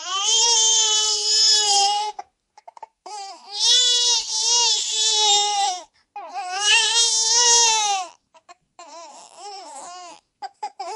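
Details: Infant crying sound effect: three long, high-pitched wails with breaths between, fading into shorter whimpers.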